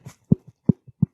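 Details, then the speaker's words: An adult male pro wrestler deliberately pops his jaw, giving three sharp, low pops with fainter clicks between. Possible TMJ; he was once punched in the face and dislocated his jaw in high school wrestling. Jaw clicking. "That's my jaw. Your jaw popping in and out. Is that TMJ or is that from your brother punching you?"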